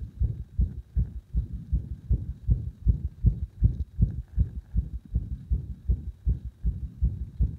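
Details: Loud, thudding heart sounds at about 80 beats per minute, with arrhythmia induced by gradually increasing compression of the heart; the irregularity is hard to pick out.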